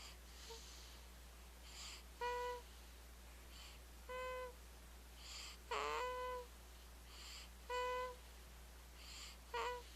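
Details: Fast sleep breathing at about 33 breaths a minute, recorded with a Flip Video camera; each soft noisy breath is followed by a high whistling tone, a wheeze-like whistle during sleep.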